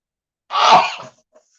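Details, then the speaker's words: Single short breathy sneeze in a quiet room from a person with dust allergies, sneezing while handling old pulp-paper books, reports never sneezing less than twice; sneeze. "the one drawback of having dust allergies and being around old books some of my books make me sneeze i found out that a lot of whitman books make me sneeze because they use this really pulp paper that's just like rag pulp paper"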